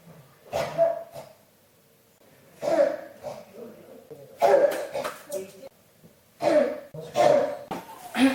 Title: 咳が止まらない 38 cough